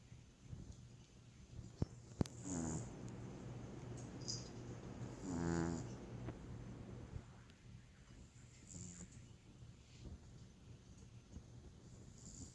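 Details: Sleeping cat that snorts like a person: soft rumbling snore sounds over steady low room hum, with a couple of sharp clicks; ordinary snoring.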